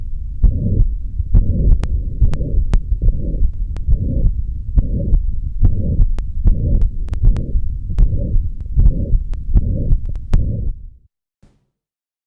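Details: Mitral stenosis heard with the stethoscope bell, patient turned to the left lateral position: low-pitched rumbling mid-diastolic murmur with typical presystolic accentuation.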